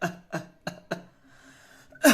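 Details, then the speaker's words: Simulated paroxysmal cough imitated during a homeopathy teaching talk, in which coughing continues in a run from start to end: four short dry bursts in quick succession, a faint breath, then a louder burst; cough. "तो इसके खांसी कैसी होगी इसमें पैरोक्सिज्म होते हैं मतलब जैसे क्रम में खांसी आएगी जैसे अ अ"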